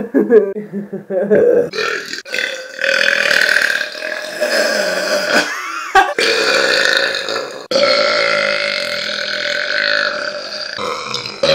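Several long, loud, voiced belches run together, some stretched out and rumbling. Ordinary burping, the release of swallowed air from the stomach.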